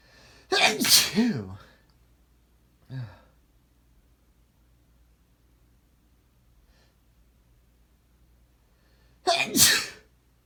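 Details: Adult male's two forceful sneezes several seconds apart, each a voiced burst, with a short grunt between, in a quiet room.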